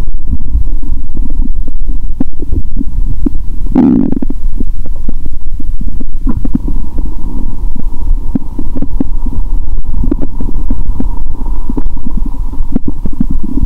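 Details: Stomach heard through her own stethoscope after fasting over 15 hours, then eating Mentos and drinking cola; loud stomach growl; bowel sounds.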